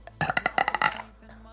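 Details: Short rattling throaty bursts forming a fluttering burp from a female streamer; burping.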